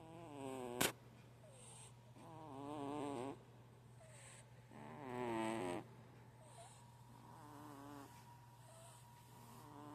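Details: Soft, rhythmic snoring from a sleeping cat, about 25 breaths a minute, over a steady background hum.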